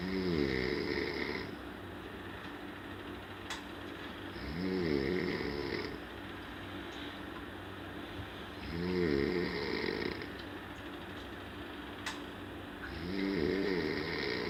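Regular snoring, about 14 breaths a minute, each with a rattling, rising-and-falling snore over a steady room hum.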